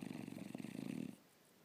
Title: Funny Bulldog snoring upside down.